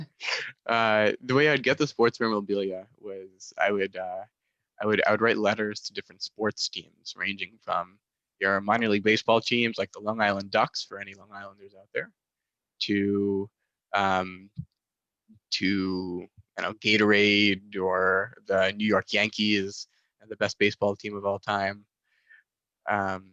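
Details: Stuttering in a male master's student, a proud person who stutters, present since childhood, with speech therapy from about age 10-11; certain situations such as ordering at restaurants still trigger it.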